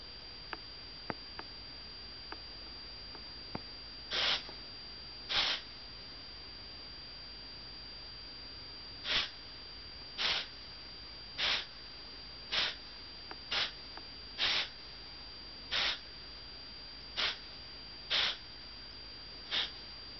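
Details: Small animal's coughing episode: a run of about twelve short, breathy, airy bursts, roughly once a second.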